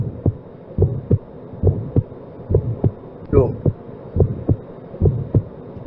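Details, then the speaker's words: Child with aortic valve stenosis: regular rhythm near 70/min with a sharp systolic ejection click early in systole at the apex and/or left lower sternal border, plus a systolic ejection murmur at the base transmitted to the neck vessels. "so what you will hear is a systolic ejection click at the apex and or the left lower sternal border and a systolic ejection murmur at the base with transmission to the next vessel"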